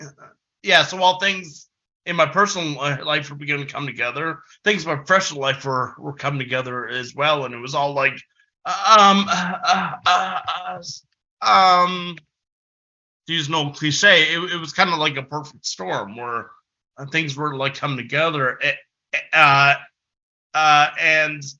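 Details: Adult male who has stuttered since about age six, heard giving a conference presentation with filler repetitions and pauses: stuttering.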